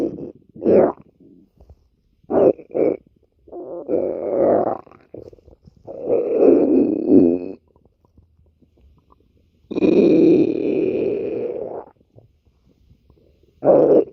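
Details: Stomach growling (borborygmi): irregular bursts of low gurgling and rumbling from the belly.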